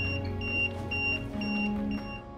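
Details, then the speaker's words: Repeating high electronic beeps with a steady tone over a low hum, medical equipment alarms for Sammy, a medically complex little boy; medical equipment alarm. "And the beeping and the alarms and the noises have never stopped. Not 10 minutes go by where we don't have something."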